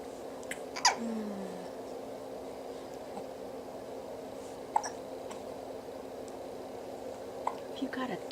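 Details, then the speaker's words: Little girl with hiccups, getting tired and starting to slump while chewing a toy: a few brief, soft hiccups several seconds apart in a quiet room with steady background hum. "ah man I hope your hiccups go awake and it goes forever aren't you tired of those old hiccups"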